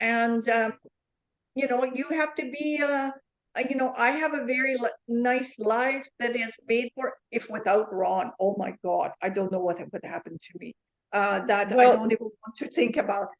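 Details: Woman with foreign accent syndrome since a neurological event in July 2010, a self-described 'flipper' with shifting accents, plus aphasia, apraxia and comprehension difficulties: foreign accent syndrome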